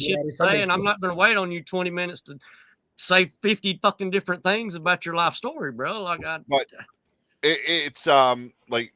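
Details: Adult man speaking; ordinary speech.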